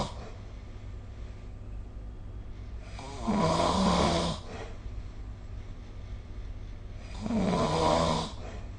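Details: Snoring during sleep recorded with the SnoreLab phone app: harsh, rough snores on breathing in, about 15 a minute, over steady room hum.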